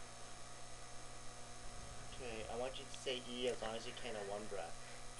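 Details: Adult speaker; Hoarse voice from vocal cord ulceration.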